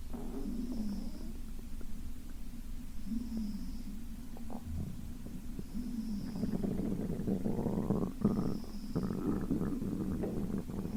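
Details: Sleeping, hungry girl: low, continuous gurgling and rumbling stomach sounds with soft breathing and snoring; hunger-related borborygmi.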